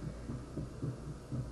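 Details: Auscultation simulator torso, stethoscope at the apex: soft, quick, regular low heart thumps over faint hum, a rather normal apex sound; normal heart sounds.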